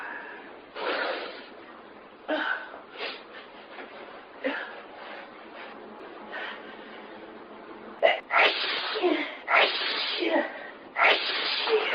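Repeated loud sneezes in a prolonged bout, with sharp inhaled gasps between bursts; a sneezing fit.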